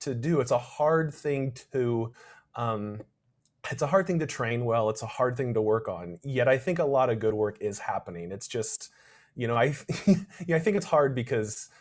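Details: Adult male speaker; stuttering.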